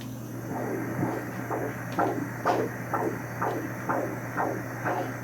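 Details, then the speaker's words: Fetal heartbeat on a 38-week pregnancy ultrasound, baby boy head down low; rapid regular whooshing pulses about 125 a minute over a steady hum; baby moving well; normal fetal heartbeat. "here's the baby's head down low they go ahead hey look at that heartbeat"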